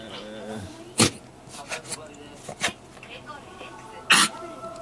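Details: A pet dog coughing in a room: three short, harsh bursts with a few softer ones between, over faint background voices.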